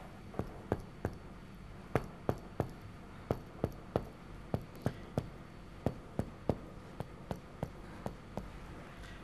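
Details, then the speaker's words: Chest percussion in a male patient whose left lower back lung lags on deep breathing: the note changes from resonant to dull, slightly higher-pitched, at the lower lung border, also laterally. "suara dari batas Sonor menjadi peka kita lihat ke lateral Ya sudah terdapat perubahan suara juga menjadi peka sedikit lebih tinggi"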